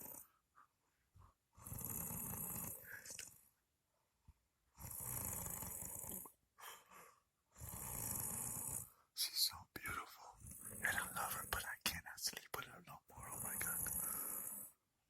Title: My wife snores !!! Help me